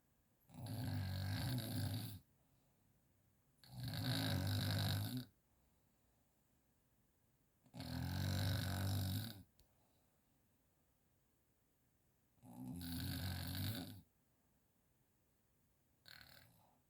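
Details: Sleeper unaware they snore, recorded by their partner: loud, rough, low snores on each breath in, about 16 a minute, with quiet pauses between; heavy snoring.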